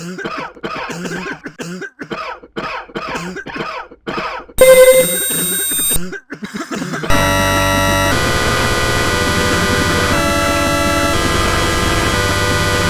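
A quick run of about ten short voiced coughs, followed by an electronic tone and loud music.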